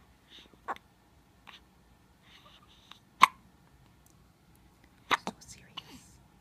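Several sudden, sharp, brief gulping bursts at irregular intervals in a quiet room, typical of hiccups.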